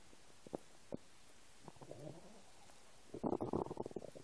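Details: Stomach rumbling from an empty stomach: soft gurgles, then a louder bubbling rumble near the end; ordinary borborygmi.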